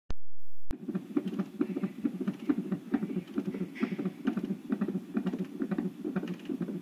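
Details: Non-stress test at 38 weeks pregnant, ordered twice weekly for large-measuring baby and rapid maternal weight gain; beeps mark felt fetal movements: fast soft whooshing fetal heartbeat on Doppler monitor, about 136 per minute.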